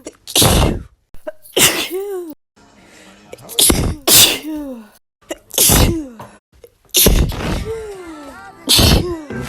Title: 2018 SUMMARY (sneezing edition)